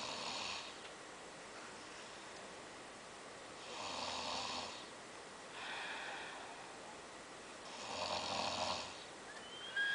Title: snoring.. lol..